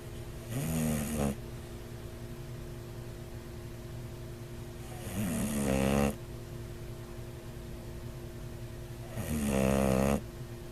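Three loud, rattling snores about four seconds apart from a sleeping dog, with steady room hum between; snoring.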